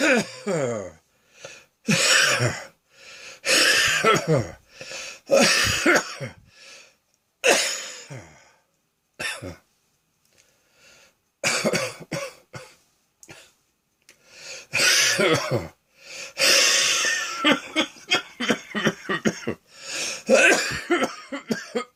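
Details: Afternoon episode of repeated harsh, wet coughs in clusters with faint whistling between bursts; cough with wheeze.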